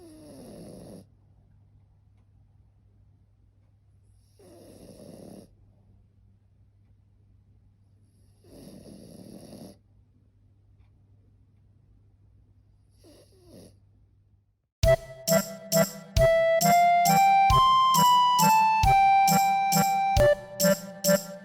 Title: 目をほぼ開けたまま寝ていびきまでかくフレブルのモー The frenchie is sleeping with her eyes open and even snoring